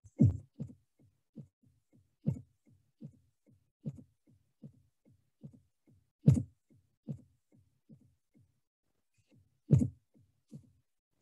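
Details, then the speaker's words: Fourth heart sound (S4 gallop): an extra sound just before S1, in a "Ten-nes-see" cadence, with S4 followed by S1 and S2. "this is s4 it comes before s1 so this was like how it was tennessee so i will put that again so this 10 sound is actually the s4 and missy is s1 and s2 that is how it comes"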